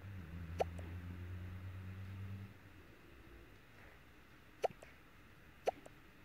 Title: Coatimundi Sunny has hiccups